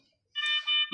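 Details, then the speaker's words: T5 patient monitor tested with ProSim 8 simulator after CPU board replacement, abnormal simulated vitals: shrill electronic alarm in two short bursts before settings return to normal; patient monitor alarm. "So ito okay guys. Accurate yung reading niya. So back tayo sa normal para walang ingay. Maingay."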